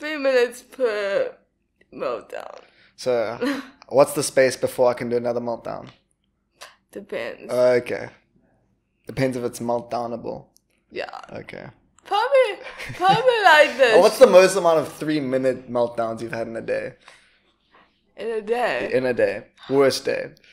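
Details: Adult speaker in conversation; typical speech.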